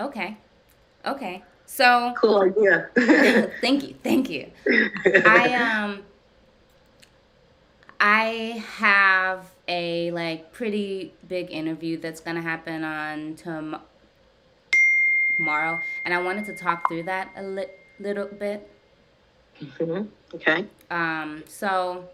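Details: Adult woman who stutters, with usually silent blocks, speaking during a live session with her speech-language pathologist, whose therapy she says has gradually helped her speech; stuttering.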